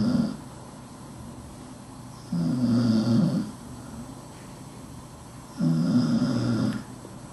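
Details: Sadie, a dachshund, sleeping under a desk: regular rattling snores about every three seconds, roughly 18 a minute, with quieter breathing between; snoring.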